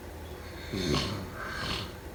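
A rough, snorting inhaled breath followed by a softer breath out; snoring during sleep.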